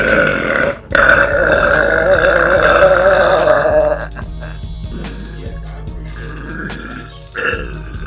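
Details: A girl belches long, loud and croaking over background music, then a shorter second burp.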